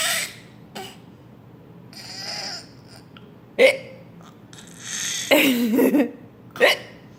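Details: Baby with hiccups: several abrupt, short squeaky hiccups at irregular intervals, with breathy and laughter-like sounds between them.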